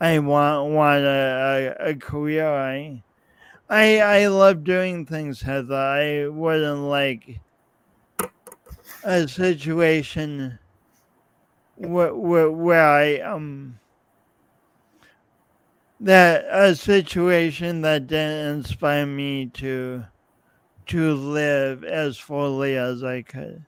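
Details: Man's real, lifelong speech impediment with coordination differences, self-described; speech impediment (disfluent speech).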